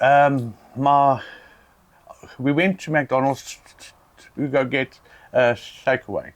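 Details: South African adult man who stutters; stuttering.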